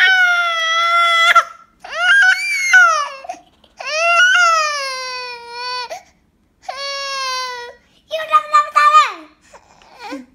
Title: Baby Crying | Baby Cry Face | Aradhya’s Brother | Aradhya and Brothers